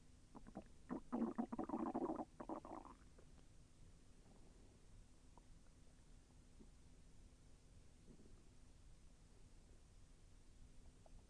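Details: Self-recorded stomach growling during digestion, with slight pain as the intestine moved: a two-second burst of bubbly gurgling, then quiet room noise; borborygmi.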